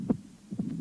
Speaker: при митральном стенозе на верхушке слышен хлопающие первый тон щелчок открытие митрального клапана и диастолический шум